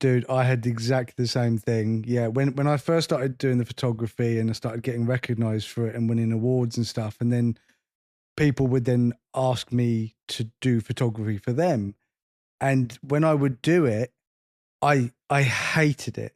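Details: Adult male speaker; ordinary speech.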